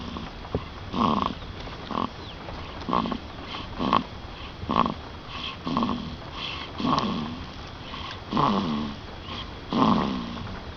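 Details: A baby snoring: regular snorting, rattly breaths about every second over a steady background hum.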